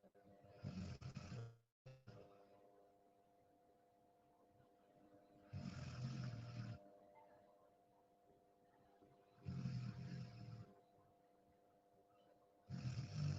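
Loud rough snores, one with each breath in, about every four seconds, over a steady low room hum; ordinary snoring.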